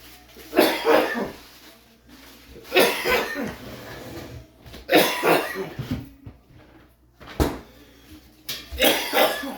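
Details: An adult family member gives about five harsh, forceful coughs spaced a couple of seconds apart in a quiet room: repeated cough.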